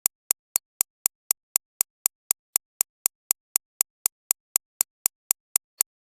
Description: It is not standard white noise; it is a digitally engineered recreation of the acoustic impact produced by medical shockwave therapy machines.